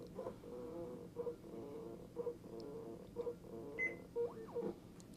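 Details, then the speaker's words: Simulated patient monitor test using a patient simulator at 60 bpm, SpO2 100%, target 120/80: regular soft beeps about once a second over a low cuff pump hum, brighter tone near the end; NIBP measurement. "the cuff is making its measurement now for the o2 set R for the NI BP reading o to set is a hundred percent"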